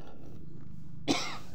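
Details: One short, harsh cough over a steady low machine hum, from a worker sorting paper and books.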